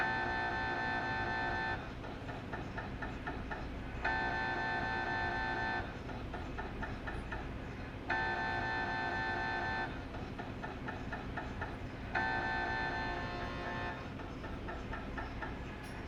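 Loud alternating buzzing tones and rapid rhythmic knocking, repeating in blocks; normal sounds of an MRI scanner running.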